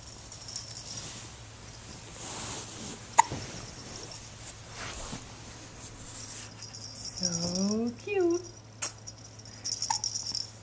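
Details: Male infant gives a few sharp, brief hiccup clicks with soft cooing squeaks; ordinary, harmless infant hiccups.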